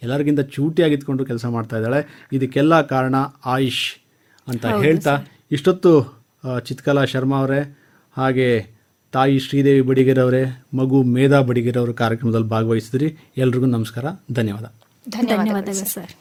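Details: Adult male speaker; normal speech.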